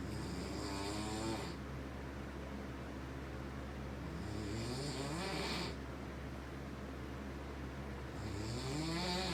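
Steady snoring over a constant low hum, with three whistling breaths that rise in pitch. Ordinary snoring.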